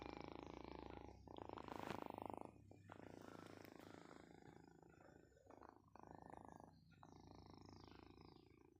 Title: My chigga is snoring while napping 🥀💔